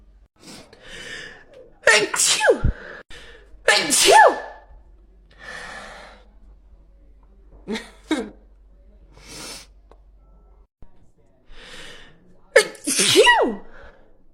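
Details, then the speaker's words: Girl with allergies having a sneeze attack: several forceful sneezes in a row with short breaths between, an allergic sneezing attack. "I took my allergy medicine as I promise [Music] um I had a sneeze attack we're good we're done"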